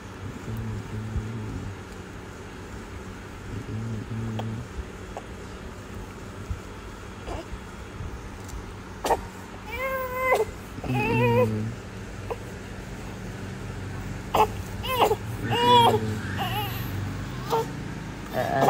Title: Baby’s crying before sleeping